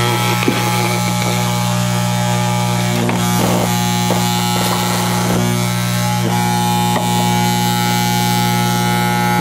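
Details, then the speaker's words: Loud steady motor hum and buzz with rattling throughout: a dental lab vacuum mixer blending die stone with water for model fabrication. "now it's time to mix our dye stone pour in the appropriate amount of water supporting our stone and incorporate to get it started and vacuum mix"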